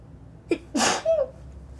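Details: Woman with random sneeze fits, suspecting dust from the air conditioning filter, deliberately making high-pitched girly sneezes, not her natural sneeze: brief inhaled catch, sharp explosive burst, high-pitched voiced tail; sneeze.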